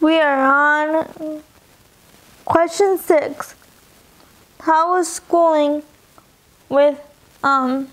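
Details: Young adult woman with dysarthria from spastic quadriplegic cerebral palsy present since birth (occurred in utero), all four limbs affected, wheelchair user; cerebral palsy affects her speech and eating.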